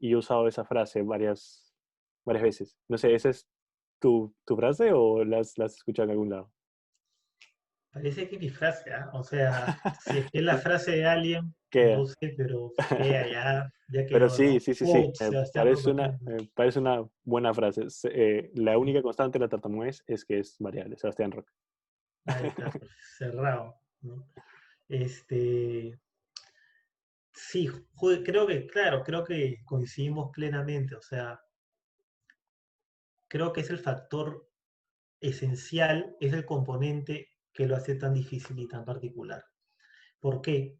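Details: Spanish-speaking person who stutters, in a conversation between two people who stutter about stuttering variability; stuttering.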